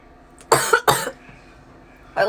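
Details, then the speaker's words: Ear-cough (Arnold's) reflex: two harsh coughs and the start of a third, set off by cleaning the ear canal with a cotton swab. "is it just me or does anyone else have like a cough attack every time relax relax I can't help"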